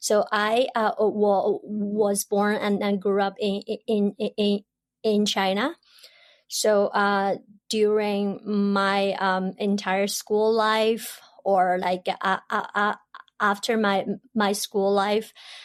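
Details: Adult woman who has stuttered since about age 7 or 8; she stutters in her Chinese dialect, Mandarin and English, and the stutter went unsupported in childhood; real developmental stuttering.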